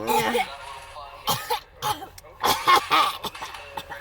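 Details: Two people in a coughing fit, described as a bad case of the coughs, with laughter and music around it.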